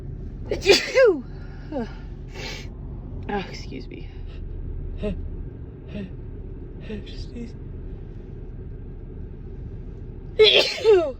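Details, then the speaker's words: Female in a car on the drive home, sneezing from dust: two pairs of loud, forceful sneezes at the start and end, with quiet road rumble between. "Oh my god, I can't stop sneezing. Oh, excuse me."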